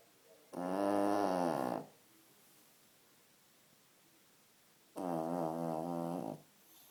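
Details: Dog snoring: two long, loud, buzzing, tonal snores about four seconds apart, with quiet breathing between.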